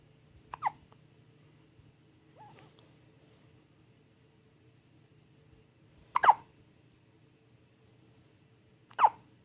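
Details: Three short, sharp gulping hiccups spaced several seconds apart in a quiet room; hiccups.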